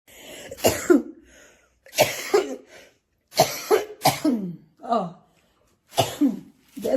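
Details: Woman who is currently ill and could not sleep: repeated harsh coughs, about seven bursts in short clusters with brief pauses; a persistent cough.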